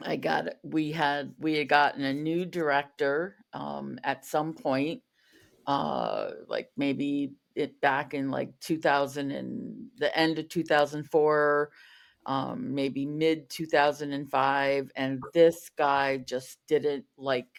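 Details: Adult woman who stutters, a covert stutterer for over 35 years, with word and part-word repetitions; stuttering.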